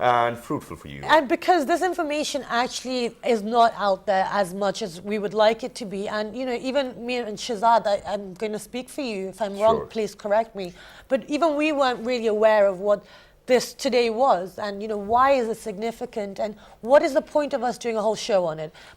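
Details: Adult woman, TV host; normal speech.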